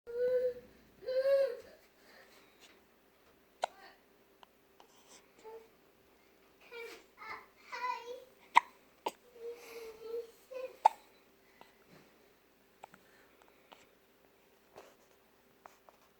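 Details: A baby babbles and fusses, broken by repeated short, sharp hiccup clicks at irregular intervals in a quiet room; ordinary infant hiccups.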